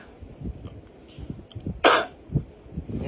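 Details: A single short, harsh cough from an adult who has had an on-and-off cough while sick, possibly with fever, with low room noise around it.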